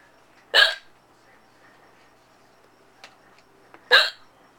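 Two loud, sudden hiccups about three seconds apart in a quiet room; ordinary hiccups.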